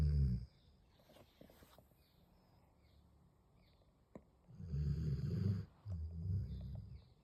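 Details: A sleeping pit bull dog snoring.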